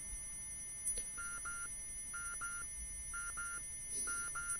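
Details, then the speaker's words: Simulated tinnitus in a short film about a DJ with ringing in the ears: faint, steady high-pitched ringing through the quiet, with repeated pairs of electronic beeps on top. "If you listen closely, you can hear a soft ringing sound. Maybe you can't hear it because you have tinnitus yourself."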